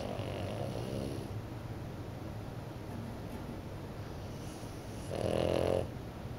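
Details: French bulldog puppy napping in the morning: low rattling breathing noise with a louder snort-like burst near the end; snoring.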